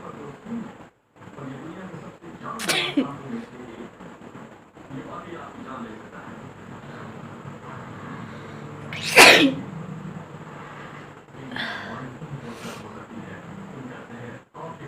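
Two loud, explosive sneezes over background talk and room noise, with a softer sniff-like burst afterward.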